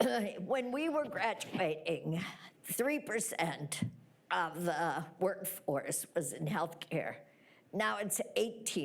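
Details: Woman with spasmodic dysphonia treated with Botox, speaking at a point when she is due for treatment; spasmodic dysphonia.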